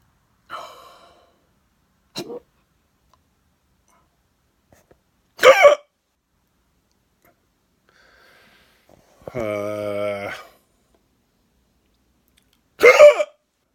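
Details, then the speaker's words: Hiccups in an adult who thinks they ate too fast: several short, sharp throat sounds spaced a few seconds apart, plus a brief voiced sound. "well, that didn't work. Got the weirdest hiccups ever."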